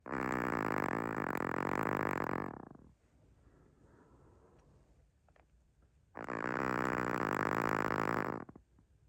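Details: Two long, loud, rattling breaths about four seconds apart with a quiet pause between, from a sleeping Chihuahua; loud snoring.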